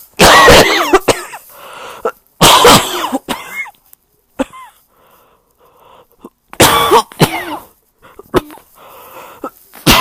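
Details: Three harsh, loud cough bouts from an adult with a cold, each followed by short catches of breath.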